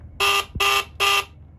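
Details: HawkMed HK-400III syringe pump: three short, sharp electronic key beeps as its keys are pressed to move through the settings menu toward the sound-volume option.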